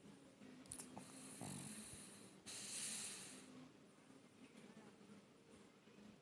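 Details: Female pug dog snoring: loud rattling snores with snorty, hissing breaths, typical of a flat-faced dog's noisy airway.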